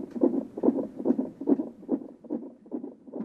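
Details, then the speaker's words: Fetal heartbeat of an unborn baby: rapid, regular whooshing pulses at about 143 beats a minute. "like nothing you've ever heard it's fast I'm strange you can every time I move but I can feel her moving it reflects on her heartbeat which is quite nice"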